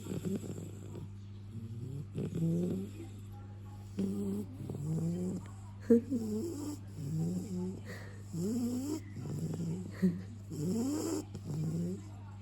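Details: Dog in deep sleep, not woken by bacon near his nose; repeated short, squeaky snoring and snuffling breaths, about one every two seconds, over a steady background hum.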